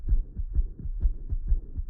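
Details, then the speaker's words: Heartbeats with a soft whooshing murmur so the sounds are less crisp, from blood flowing back across the valve: severe mitral regurgitation murmur. "so that whooshing noise it's not as crisp that's the sound of the blood flowing back across the way so severe mitral regurgitation"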